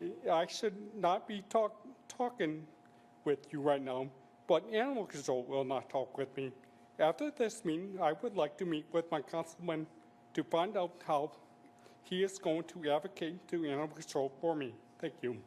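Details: Adult man, real, with speech impairment he attributes to several strokes; he uses a speech device; finding: electrolarynx (alaryngeal) speech.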